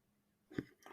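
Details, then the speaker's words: Hungry adult's stomach growling (borborygmus) during a podcast recording: a brief low gurgling rumble from the belly after quiet room tone. "oh what was that my stomach I Wasing you didn't hear that oh my God I think I might leave that in there go feed yourself good God oh my God your stomach agreed"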